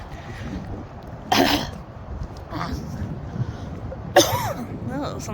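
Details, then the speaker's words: Two sharp, harsh cough bursts with throat clearing between, then food comes back up, from a pregnant woman in her second or third trimester. "food came up."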